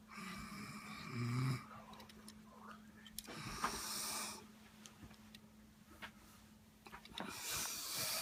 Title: Brother snoring